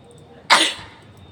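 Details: Woman recently unwell, outdoors on a rooftop, deliberately bringing on sneezing for a nose-blowing video: a single sharp, hissing sneeze over light outdoor background noise.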